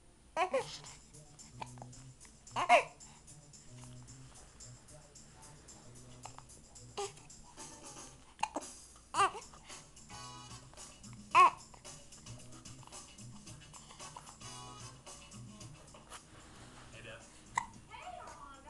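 An infant's brief, soft hiccups, about seven over eighteen seconds, with faint music and babbling in the background.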